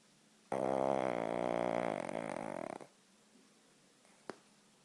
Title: Loud snoring King Charles spaniel. Drives us mad.